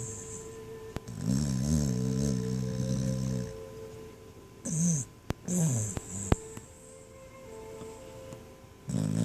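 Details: Loud snoring during sleep: drawn-out, buzzing, wavering breath sounds with pauses between them, over faint room noise.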